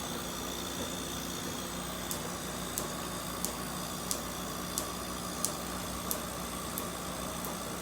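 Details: Laser treatment of a congenital Nevus of Ota around a female patient's eye, third session, about 20% reduced, using 1064 Q-switched and tattoo-removal lasers: sharp, evenly spaced pulse clicks, roughly 90 a minute, over steady machine hum.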